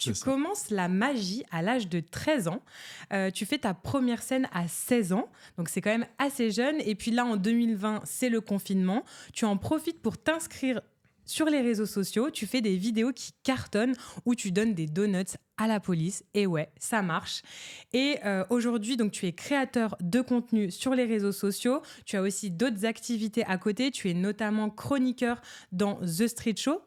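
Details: Adult speaker, French; normal fluent speech.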